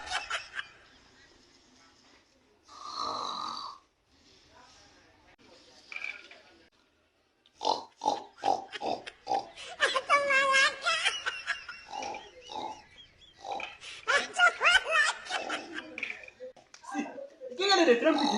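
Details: Comedy sketch of a snoring boyfriend: loud, irregular snorting snores with whistling, rattling noises, likely exaggerated for comedy; snoring.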